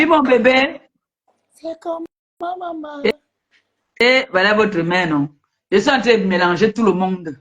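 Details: Adult speaker, likely female; ordinary speech.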